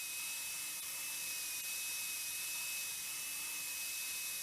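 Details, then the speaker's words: Live case: a rotational atherectomy burr runs with a Rota Pro system and a 1.25 mm burr on an extra-support wire. It is gently sanding a heavily calcified ostial lesion and not traversing easily. "As long as the hemos are stable, I will gently sandpaper the lesion away. And you can see that even with a 125 burr, it's not exactly traversing the lesion easily."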